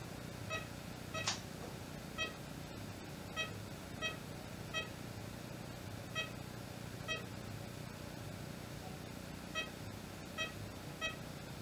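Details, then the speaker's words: ECG monitor beeps during an ECG on a calm female animal with her owner, about 60 a minute, speeding slightly as she breathes: sinus arrhythmia, with the rate checked by stethoscope. "um you can hear a little bit of a difference in our heart rate the sinus arhythmia is showing a little bit as it'll her heart rate will pick up a little bit as she breathes"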